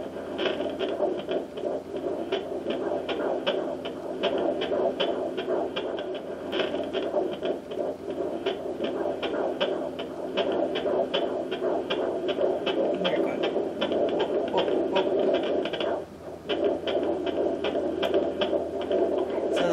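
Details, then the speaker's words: Fetal heartbeat at 14 weeks of pregnancy on a home handheld fetal Doppler with aloe vera gel on the belly: fast, rhythmic whooshing pulses about 158 per minute, faster than the mother's. "baby's heartbeat and you can tell you can tell if you've gotten a baby's heartbeat versus yours because it's a lot faster"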